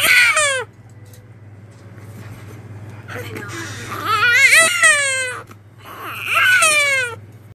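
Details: Infant granddaughter crying for milk (susu): bursts of crying with a steady low room hum between them; hunger cry.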